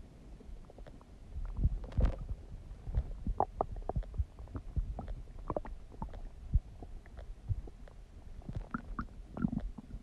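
Steady low gurgling with scattered pops and bubbling clicks, ordinary tummy gurgling from gut activity.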